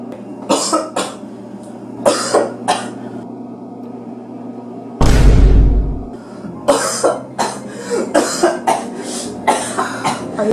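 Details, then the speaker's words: Person on the ground coughing hard, eyes watering, in a comedy skit: repeated coughing. "So you didn't hear me cough? I asked if you were alright. Alright, I'm on the ground, coughing my brains out."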